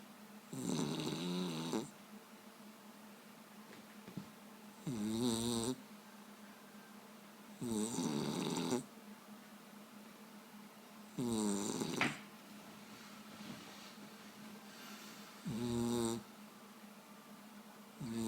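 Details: Dog snoring: five loud, wet, rattling snores likened to a wet fart, each about a second long and spaced a few seconds apart, over quiet room hum.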